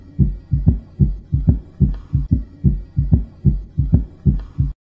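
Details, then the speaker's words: Third heart sound (S3): a regular heartbeat around 74 a minute with a dull extra low sound after the second heart sound, an abnormal sound linked to heart failure with fluid overload. "Beyond S1 and S2, certain medical conditions may give rise to additional heart sounds. An abnormal third heart sound, S3,"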